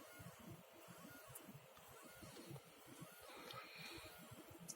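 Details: Open-source Arduino Nano-controlled bag valve mask (AmbuBag) emergency ventilator, rate set to 30, tidal volume lowered from 1 L to 0.5 L: steady mechanical pulsing and motor noise as delivered volume gradually steps down.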